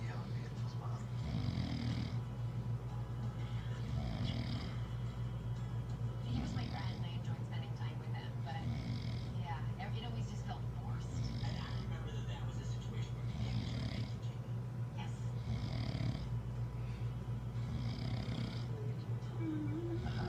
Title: My mom snoring